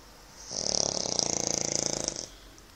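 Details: Adult man (a father) snoring in his bedroom, heard from nearby: one long, loud, rattling inspiratory snore lasting under two seconds, with a harsh buzzing quality; ordinary snoring.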